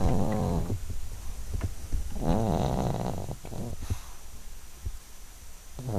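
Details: 12-year-old Yorkshire terrier asleep and dreaming: low rumbling, rattly snores with soft twitching breaths and whimpers between them; snoring.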